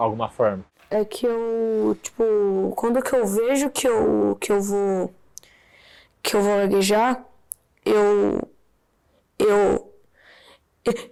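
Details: Adult man with stuttering present since his school years in the 1980s, with audible repetitions such as 'eh eh eh eh'.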